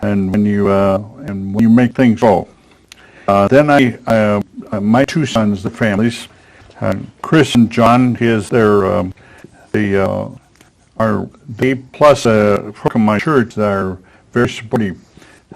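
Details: Man with aphasia after a stroke at age 73, previously in a professional career, attending an aphasia conversation group with a speech-language pathologist; real patient speech showing aphasia.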